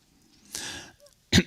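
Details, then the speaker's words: Speaker apologising for a recurrent cough in the 7th week of a long book tour with several events a day; a single rough cough-like throat clearing then a short sharp burst, a recurrent dry cough. "excuse me, and I'll have to excuse for my recurrent cough. This is the 7th week of this interminable book tour now,"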